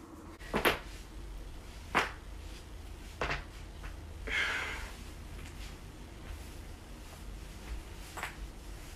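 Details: Joint cracking compilation: a few sharp isolated pops and cracks spaced seconds apart in a quiet room; ordinary joint cracking.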